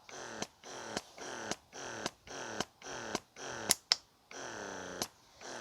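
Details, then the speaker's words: Rapid rhythmic motor whirs about twice a second, each ending in a click, from an O'natural 0.21 (Youha) wearable breast pump running its massage setting at level one. "so this is the massage setting this is on level one for both of"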